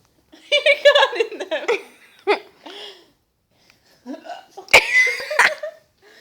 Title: Hiccups?